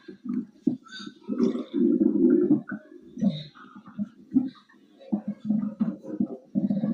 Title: stomach growling linggggg